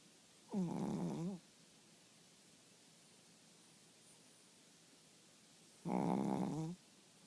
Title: Fat snoring bear